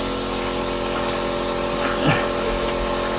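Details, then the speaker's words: Adult with bronchiectasis caused by follicular lymphoma; nebulizer running with 2.5 mg salbutamol to open the airways, about five minutes; steady hissing, whirring compressor hum with a brief rustle. "just adding it to my nebulizer there we go that's our two point five milligrams of that let's put this on"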